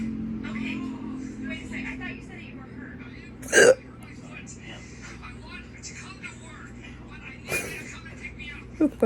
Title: weird hiccup burps while watching tv